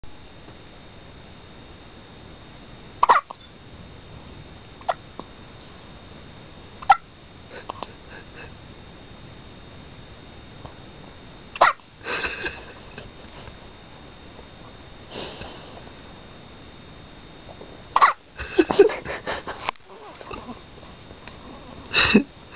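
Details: A 6-day-old baby girl gives short, sharp hiccups about every four to five seconds against quiet room noise.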